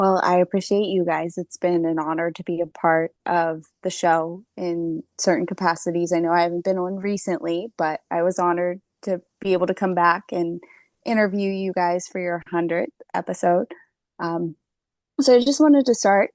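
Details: Adult woman speaking; Normal speech.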